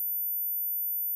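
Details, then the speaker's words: Adult man's simulation of his own constant tinnitus: steady very high-pitched continuous ringing tone, always present, loudest at night in silence. "what i'm going to do here for a moment i'm going to try and simulate what it sounds like to me because it's it's quite boggling"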